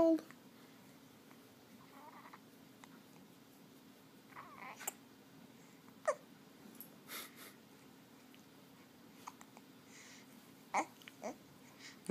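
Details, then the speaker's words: Male in a bout of hiccups who seems content and smiling: a few sudden, sharp little gulping catches at irregular intervals in a quiet room. "Got a mean case of the hiccups. You don't seem to mind the hiccups, do you?"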